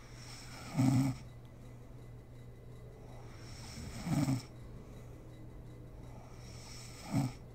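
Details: Sleeping mother snoring in a home ASMR recording: three low rattling snores about three seconds apart, roughly 18 a minute, over quiet room hum; ordinary sleep snoring.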